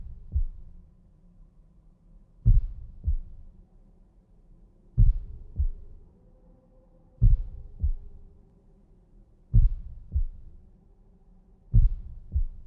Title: sonido de latidos del corazón ❤️❤️❤️